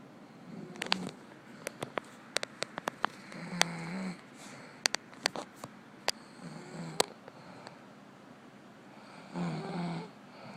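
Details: Soft snuffling snores on a few breaths from a sleeping girl, mixed with clicking and tapping noises in a quiet room; snoring.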